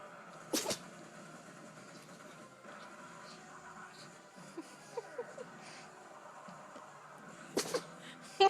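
Two sharp, explosive sneezes about seven seconds apart, with small snuffling sounds between them; a dog sneezing.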